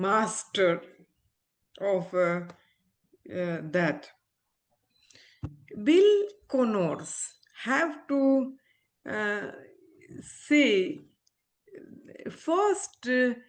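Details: Adult woman, former ophthalmologist, with aphasia after a stroke, still recovering speech; real patient; aphasia.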